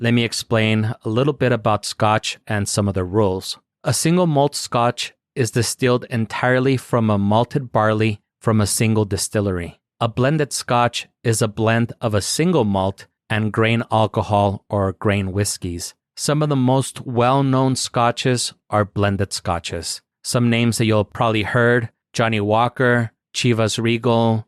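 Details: Adult male speaker; normal voice.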